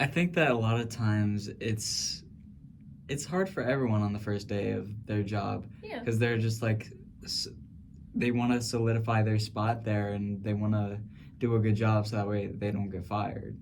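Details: Adult male speaker; normal conversational speech.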